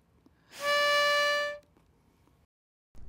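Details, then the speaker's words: About one second of high, steady whistle from an inhaler spacer (holding chamber) during the breath in. It shows the inhalation was too forceful; the breath in should be slow, over a count of five. "now if you inhale too forcefully you'll get this sound a"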